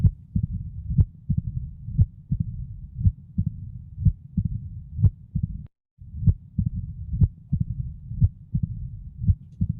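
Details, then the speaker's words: Adult woman with mitral stenosis who presented with TIA and renal artery embolism: loud first heart sound, quiet systole, opening snap and low rumbling diastolic murmur that builds before S1 from the atrial kick. Mitral stenosis. "so this patient has mitral stenosis and why did she present the way she did with tis and with a renal artery embolism"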